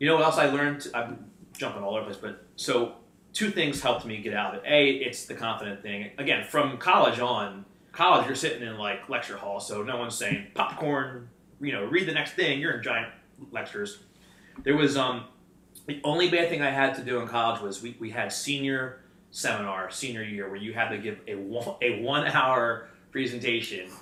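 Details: Adult man who has stuttered since childhood and works in sales and as a wedding MC, speaking in a live conversation; adult stuttering.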